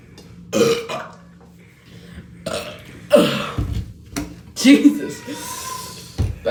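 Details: Loud, low, gurgling belches separated by pauses with brief vocal sounds, from a person and his brother chugging Sprite in a no-burping challenge.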